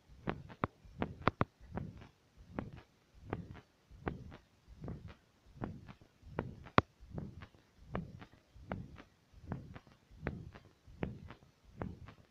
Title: Fast 2 heartbeat stethoscop